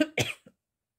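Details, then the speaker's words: Adult coughs while briefly choking mid-talk, two sharp forceful coughs then a faint voiced catch; their stomach had been gurgling just before; cough. "c'est excusez-moi j'avais coupé j'étais en train de m'étouffer euh je disais donc une grille spéciale débutant voilà"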